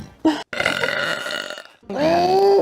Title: burps a lot (Smosh fan compilation)